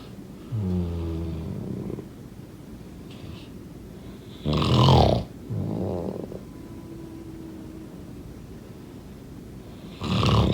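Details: Ordinary snoring during sleep: loud, rough, low rumbling snores in bursts between quiet pauses, with a rattling vibration on each breath.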